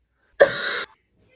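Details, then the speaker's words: Cough from an adult who says they are sick and sweating while crocheting: a single harsh, forceful half-second cough burst. "So, as you can probably tell, I'm sick right now."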